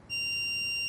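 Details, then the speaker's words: CPR and AED training film, a real-time demonstration with the AED in adult mode: after "analyzing heart rhythm, shock advised," a steady, piercing high electronic warning tone sounds before stand clear and shock delivery. "do not touch the patient analyzing heart rhythm shock advised"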